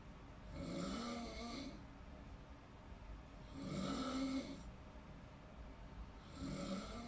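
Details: Three loud, rattling snores on breathing in, each about a second long and a few seconds apart, over quiet room noise; snoring during deep sleep.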